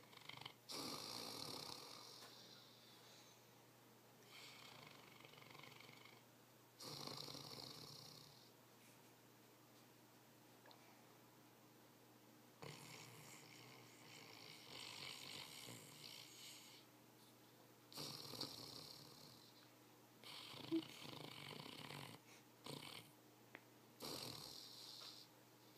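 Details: A very tired Saint Bernard dog snoring loudly in sleep, with rough, hissing breaths about twelve times a minute.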